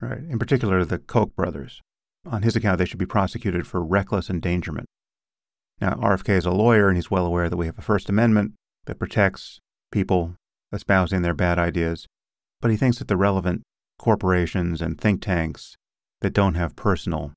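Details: Adult male speaker; typical speech.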